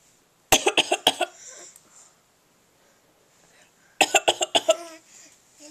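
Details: Infant giving two quick runs of short, light coughs, a deliberate pretend cough rather than illness; voluntary fake cough.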